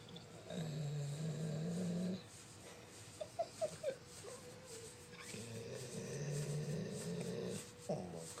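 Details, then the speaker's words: 88 lb female Labrador snoring while being petted: two long, low rumbling snores separated by a quiet gap with a few brief squeaks. "She snores when I pet her. Stop, and then I do it. See, I stop, then I do it. She snores."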